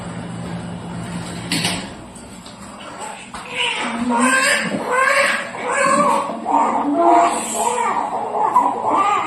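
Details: Thin, rapid, repeated newborn cries amid room noise and voices, the baby's first cry just after a normal vaginal birth, described as a sign of healthy transition.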